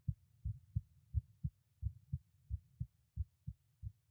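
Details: Volunteer's heartbeat recorded at each auscultation point at rest: steady low lub-dub beats, about 80 a minute, with no added noise between them; normal heart sounds.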